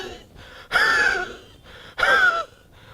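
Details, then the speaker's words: Adult imitation of a wheezy cough with much mucus, wheeze relieved by expectoration: two coughs with a whistling, wheezy tone. "these two are your top medicines for a wheezy cough whenever you hear that sound of we've to think of these top two medicines"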